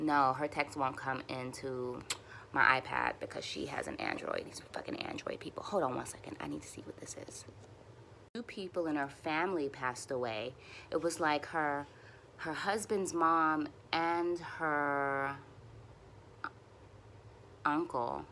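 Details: Adult woman who stutters and uses speech techniques for near-fluency, speaking while frustrated and tense, which she says makes her stutters a little longer — stuttering.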